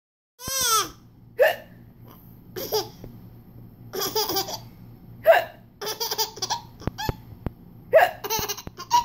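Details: Mother's hiccups: several sharp, abrupt hiccups breaking up bursts of a baby's laughter.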